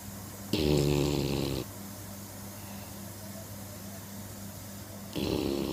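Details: Staffordshire terrier dog snoring in sleep: two loud, rough, rattling snoring bursts about four seconds apart, with quiet steady breathing noise between.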